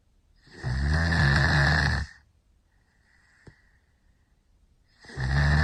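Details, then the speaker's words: Heavy snoring in a 5-year-old child asleep on his back with mouth open, mouth breathing with nasal respiratory effort and flaring nostrils; loud rough snore each breath with quiet pauses, filmed by his mother. "un niño de 5 años Que obviamente está roncando mucho pero está respirando por su boca tiene la boca abierta"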